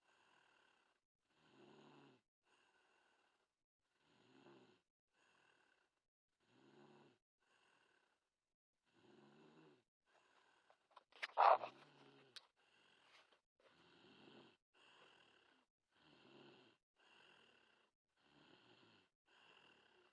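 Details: Little girl snoring during sleep, said to snore a lot: soft, regular breathing noises about 12 breaths a minute, with a brief louder snort near the middle; light snoring.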